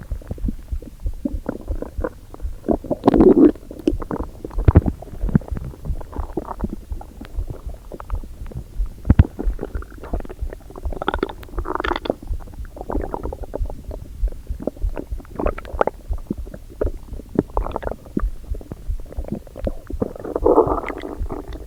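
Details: Hunger stomach rumbling first thing in the morning before breakfast: irregular low gurgles and rumbles from an empty stomach.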